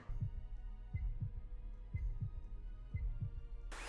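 Regular low double thumps, about 60 beats a minute, with a steady hum behind them: a heartbeat.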